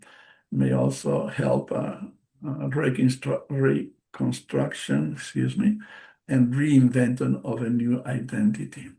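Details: Adult bilingual man, non-native English speaker, with aphasia after a stroke in March 2020: post-stroke aphasia.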